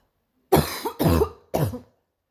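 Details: Morning cough: three deep, throaty coughs in quick succession.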